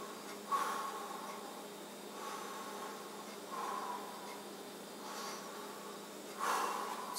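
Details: Adult male taking deep breaths during a lung and thorax exam, stethoscope over the back: soft, even airflow sounds with no crackles or wheeze. He reports no shortness of breath. Clear, normal, undiminished lungs.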